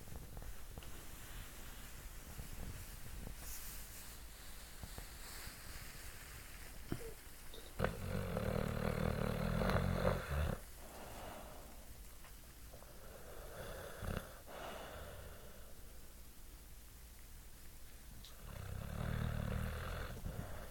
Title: Snoring, dreaming bulldogs.